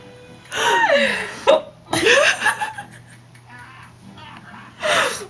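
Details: Child (girl) with hiccups: sharp, abrupt hiccup sounds mixed with laughter-like vocal sweeps and faint background sound.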